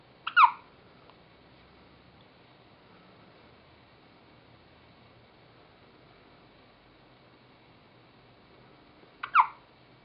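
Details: An infant's first hiccups: two brief, sharp, squeaky hiccups about nine seconds apart in a quiet room.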